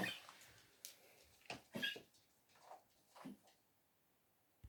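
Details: Soft, dry hacking coughs in short bursts from a poodle with congestive heart failure; cough in congestive heart failure.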